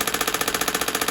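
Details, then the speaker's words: Shockwave therapy on the lower leg with ultrasound gel, for a patient with plantar fasciitis, during the discovery phase of finding tender points: rapid, even mechanical tapping at about fifteen pulses a second from the oscillating device. "here is the machine there a device where it's oscillating back and forth creating sound waves into the tissue"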